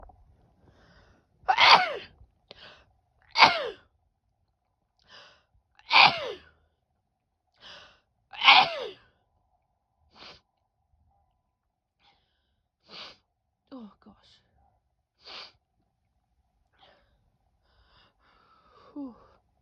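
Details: A run of four loud sneezes in quick succession from a woman, each preceded by a sharp intake of breath.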